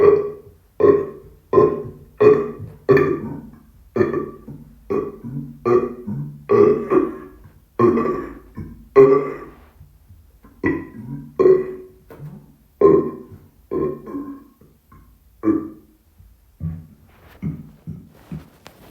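Long series of about 25 loud, voiced burps in steady succession, roughly one every second or so.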